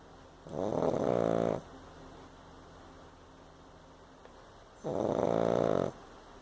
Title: Snoring Pug